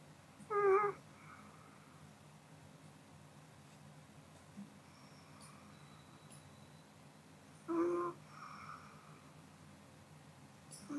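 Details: Pomeranian (female) asleep, two brief soft snorting snores about seven seconds apart with quiet breathing between; gentle harmless sleep snoring.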